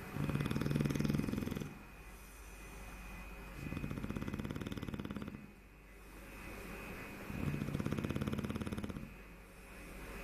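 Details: Low fluttering snores on breathing in, quieter breaths out, about 16 breaths a minute; snoring.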